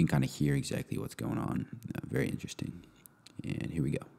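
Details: Adult male speaker; ordinary speech.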